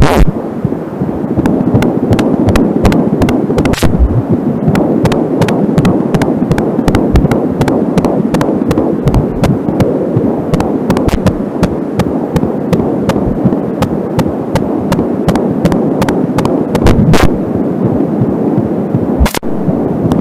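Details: Home fetal heartbeat recorded with an Angelsound fetal Doppler: rapid whooshing beats about 160 a minute with crackling static bursts; occasional slower beats are the mother's pulse from a nearby artery.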